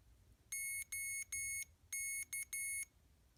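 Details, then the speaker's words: Six high-pitched electronic beeps in quick succession in a quiet room: a CADD Legacy infusion pump (used for pulmonary hypertension medication such as epoprostenol) completing its power-on self-test. "the pump's going to complete a self test so with each screen it will beep and there will be six beeps at the end"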